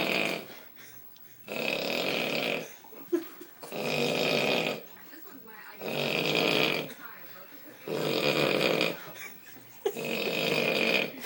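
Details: Person snoring heavily while asleep: loud, rough, rattling snores on each in-breath, about five over eleven seconds, with quiet pauses between.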